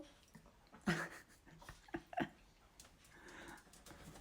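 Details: Two sleeping dogs snoring loudly like humans: irregular snorting, rasping breaths during sleep; noisy breathing.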